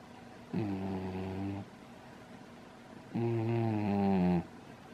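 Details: Sleeping dog snoring loudly while lying with head upside down in a crystal bowl: two loud, low, buzzing snores about two and a half seconds apart, each lasting over a second; ordinary snoring.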